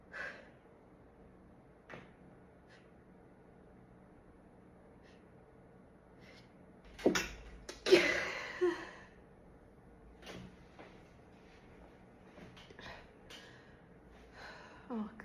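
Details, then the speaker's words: Woman trying to hold back sneezes and failing: a quiet stretch, then a few sudden muffled bursts as the stifled sneezes break through. "This time I'm going to try to like hold back or at least stifle with this fresh here, and that's obviously impossible."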